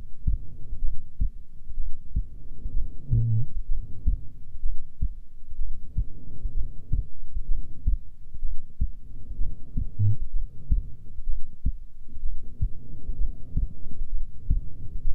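Steady, soft low thumps at about 60 beats a minute with a faint hum behind them: a normal resting heartbeat.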